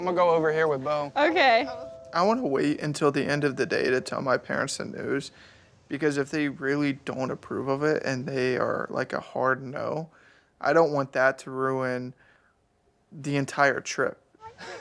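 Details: Adult man speaking; Normal speech.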